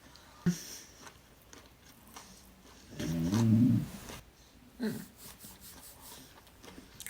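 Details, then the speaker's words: Hungry, mostly immobile woman with severe obesity: low, bubbly rumbling stomach growls, with one loud drawn-out gurgle mid-clip and shorter ones around it; ordinary hunger-related bowel sounds. "The belly's gurgling, it's excited. I'm quite hungry."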